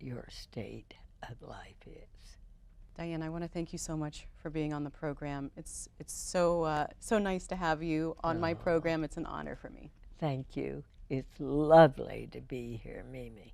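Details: Adult woman speaking, with a second woman's brief reply; normal voice.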